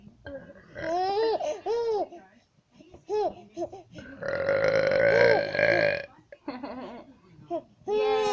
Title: Burping = laughing baby